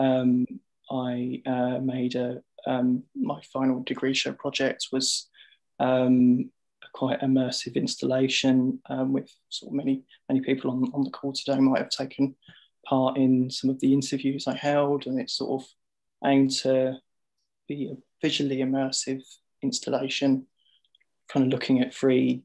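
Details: Stammering in an adult man in his 50s with lifelong stammer.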